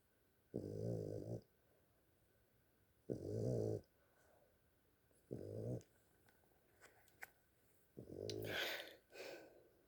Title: Snores